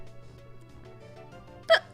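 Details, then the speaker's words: A single short, high squeaky hiccup during speech over steady background music: hiccup. "Sorry for the hiccups. The hiccups that sound like squeaks."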